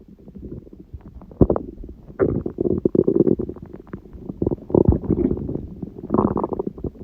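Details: Stomach growling recorded at 1:30 am after waking, six hours after eating too much udon at 19:30, the first gluten in a while: irregular gurgling and rumbling bursts with brief squeaks over a quiet background; ordinary borborygmi.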